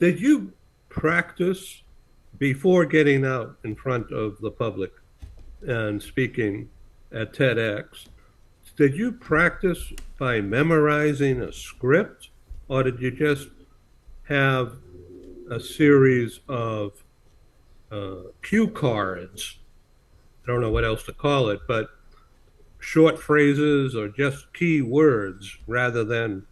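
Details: Adult male speaker; normal speech.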